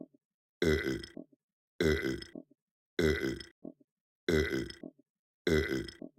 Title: Puppet burps for 3 minutes